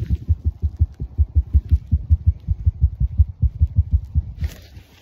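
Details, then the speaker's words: Regular low thumps at about 80 per minute, heard up close: the racing heartbeat of a small wild doe, revived with CPR after being found knocked out, possibly from running into a tree. "i don't know if you can hear that dude her heart is ripping now that i know she's good"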